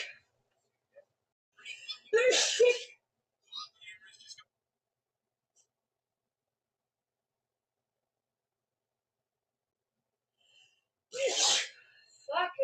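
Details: Sneezing fit in a woman, her fourth in a row: two sharp hissing sneezes separated by a long quiet gap, with soft breaths between them; repeated sneezes.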